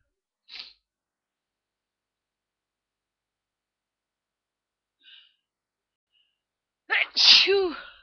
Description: on holliday in the middle of the snow, I'm trying to make you some sneezes.